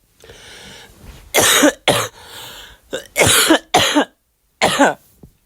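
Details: Five harsh, forceful dry, rasping coughs after some noisy breathing: a cough during influenza.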